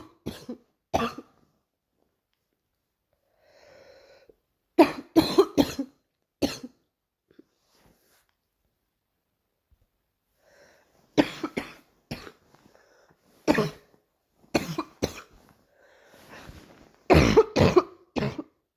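Repeated bouts of harsh coughing in short clusters, separated by pauses with soft breathing sounds.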